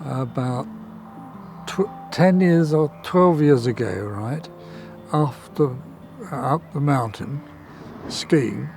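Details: Aphasia in a man after a stroke about 10–12 years ago, with reading difficulty and one side of the body weaker.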